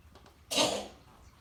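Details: Cat with feline asthma having an attack, diagnosed and treated by a vet the same morning; a single harsh, hissing, hard cough burst.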